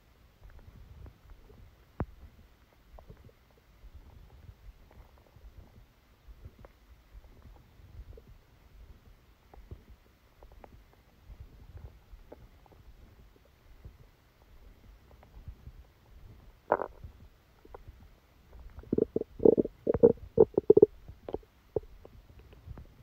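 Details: Bowel sounds during a stomachache after Christmas dinner, recorded while sleeping: quiet low rustling, then a cluster of louder gurgles and rumbles near the end; active bowel sounds, stomach rumbling.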